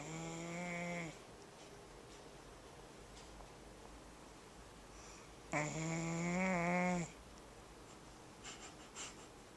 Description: My dalmatian saws serious logs. But it's damned adorable, ain't it?